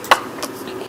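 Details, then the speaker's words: Baby bottle feeding, possibly with a recessed lower jaw: two sharp, quick gulping clunks less than a second apart over faint room noise, loud hurried swallowing as the baby struggles to match the bottle's flow rate. "지금도 또 삼키는 소리가 굉장히 크게 들리죠. 애기들이 빨고 삼키고 숨쉬고 이거 조절을 우유병 분비 속도에 맞춰서 하게 되어 있는데 아기는 또 아기 나름의 자기가 원하는 속도가 있어서 자기가 빨고 삼키고 숨 쉬는 게 버거워지면 또 싫어라 해요."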